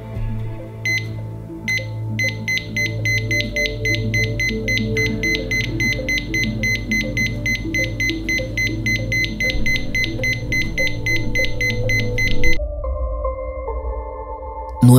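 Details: Simulated cardiac monitor beeping very fast and evenly: supraventricular tachycardia, a rapid regular heart rhythm.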